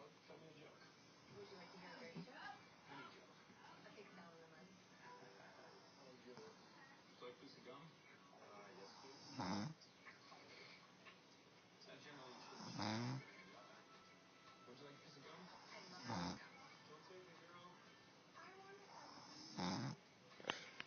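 Rhythmic rattling snores about every three seconds, with a louder snort roughly every three to four seconds, over soft background voices.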